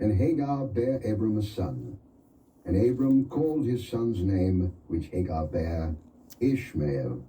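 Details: Adult man; Normal speech.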